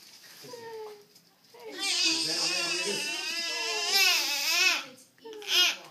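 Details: Loud, sustained crying from a 9-day-old newborn during a first chiropractic adjustment, with rising and falling pitch and brief catches between cries.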